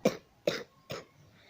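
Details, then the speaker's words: Person feeling unwell with a cough, coughing deliberately on camera: three short, sharp coughs about half a second apart, each fading fast; a plain dry-sounding cough. "Now in today's video, I'm not feeling well today. I'm having a cough."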